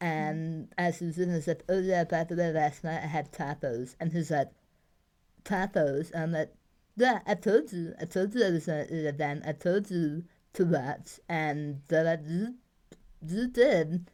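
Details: Adult woman treated twice for tongue cancer with removal of about half the tongue, flap reconstruction, neck dissection and 30+ radiation rounds; tongue tethered, immobile, no tip; speech improved with exercises and a prosthesis; speech impairment after partial glossectomy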